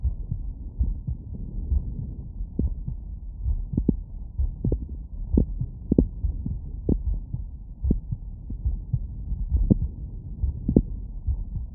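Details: Steady, regular heartbeat through a stethoscope, recorded lying down after physical workload: normal heart sounds after exercise.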